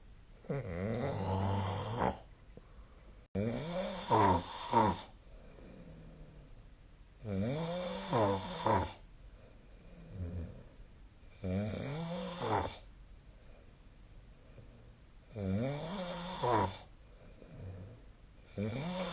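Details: Loud, rattling snores on each in-breath, several with a second fluttering burst, about five breaths in 19 seconds, with quieter out-breaths between: snoring.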